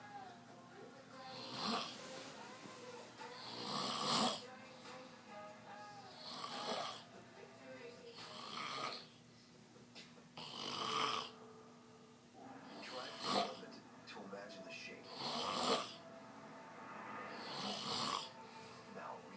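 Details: Snoring: repeated harsh, rattling snores about every two and a half seconds, roughly 26 a minute, with a faint steady hum behind them.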